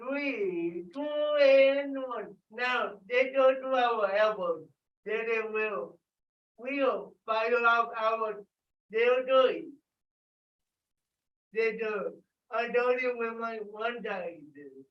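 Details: Adult with cerebral palsy, dysarthria (cerebral palsy); loud call-out during a live group workout.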